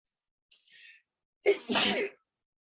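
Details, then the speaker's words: A smoker's allergy sneeze fit, possibly a reaction to pesticides or the strain's terpenes (uncertain): a hissing intake, then a loud explosive voiced sneeze, a single sneeze. "Definitely affecting my allergies. I don't know if this is from pesticides. I don't know what it might be from."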